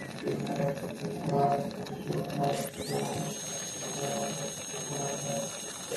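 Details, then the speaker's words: High-pitched dental turbine whine spinning up over rushing electrical suction and water spray on a TAOS800L dental chair, with lots of turbine water still cleared by the suction; music in the background; normal operation. "and even I use the turbine see the water of the turbine how much see in the mirror here work see so good too much water but still do work does work see"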